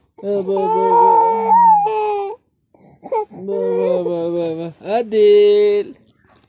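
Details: Baby crying indoors: loud, tonal wailing cries in several bursts with short breaths between.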